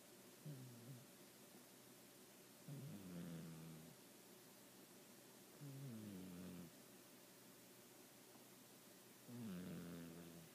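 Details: Soft, slow snores from a sleeping cat, about four breaths in ten seconds, each a low fluttering rattle over steady hiss; vet says he is healthy and just a snorer. Snoring.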